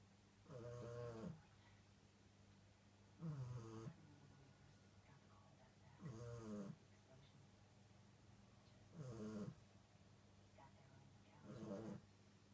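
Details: Sleeping Chihuahua, five regular rattling snores about 22 a minute, each on the in-breath with quiet gaps; snoring.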